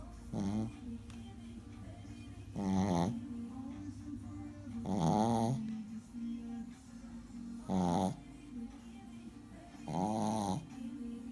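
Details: Repeated rhythmic snores, about five in eleven seconds, from a sleeping Shih Tzu puppy over background music; snoring.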